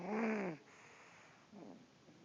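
A tonal, wheezy snore from a sleeping dog, then a quieter breath about a second later; ordinary sleep snoring.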